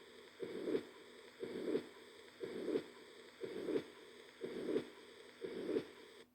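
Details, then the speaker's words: Mitral regurgitation heard with stethoscope at the apex (fifth intercostal space, midclavicular line), murmur radiating to the axilla: regular heartbeat about 60 a minute with a steady blowing pansystolic murmur filling each systole. "المترال ريجرجيتيشن يصنف ضمن البانسايستوليك ميرمر."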